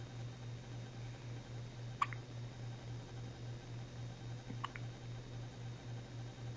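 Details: Newborn boy, one day old, first bout of hiccups: two brief, soft, sharp hiccup clicks about 2.5 seconds apart over a steady low hum; infant hiccups.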